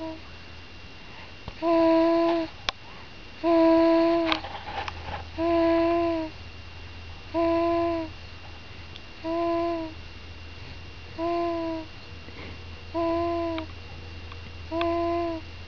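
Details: 4-week-1-day-old baby girl asleep: soft, evenly spaced humming grunts, about one every two seconds; normal newborn sleep noises.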